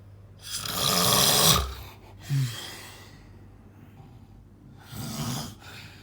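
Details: Loud, rough, noisy snoring during sleep, with a brief snort and a quieter second breath.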